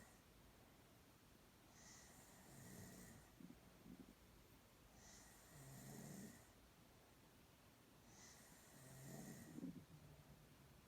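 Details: A girl sleeping soundly, snoring quietly and steadily over three slow breath cycles, with a low rattling snore on each inhalation at about 17 breaths a minute.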